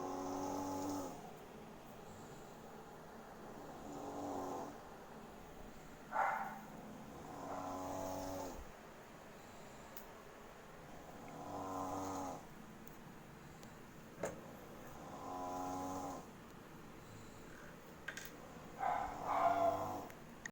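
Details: Loud snoring: repeated buzzing snores about every 3 to 4 seconds, roughly 16 breaths a minute, with a few faint clicks in a quiet room.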